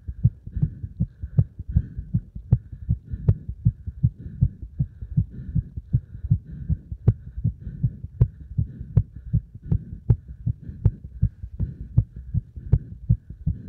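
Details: Heart sounds after stacking a beeper (beep test) and squats: strong, regular thumping heartbeats with a faint background hum, recorded after hard exercise.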